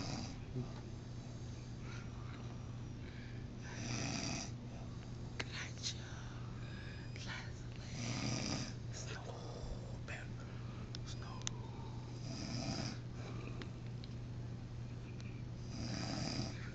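Rhythmic rumbling snores on inhalation, roughly 14 a minute, over faint room noise; ordinary snoring.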